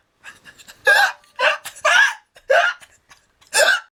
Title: A girl who got a very funny hiccup.